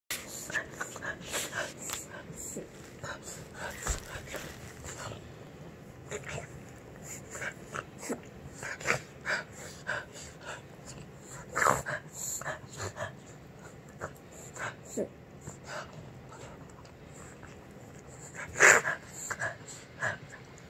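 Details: A dog named Rufie gives repeated short, harsh, breathy bursts with noisy, wheezy breathing between them; coughing.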